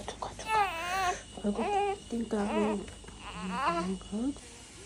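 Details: One-month-old twin infant fussing and crying in short wavering bursts, with soft adult voices and room noise behind; infant cry.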